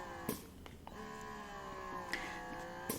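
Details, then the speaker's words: Quiet motor hum with slow, soft clicks and pulses from a Freemie Rose electric breast pump at cycle setting 10, its slowest, then switched to turbo; an electric breast pump running. "It's really slow now. This is 10. And then I'm going to let you hear the turbo. That's turbo."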